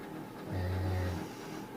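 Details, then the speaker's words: An adult man snoring in the background of a bedroom while a person talks in the foreground. "if you all hear that sound it is my husband snoring in the background I do apologize"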